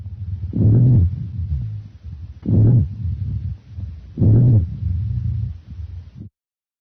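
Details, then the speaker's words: Adventitious lung sound demonstration during thorax auscultation: low, musical snoring sounds through each of three breaths, mostly on expiration; rhonchi (low-pitched wheezes). "low pitched wheezes are musical snoring sounds mostly on expiration"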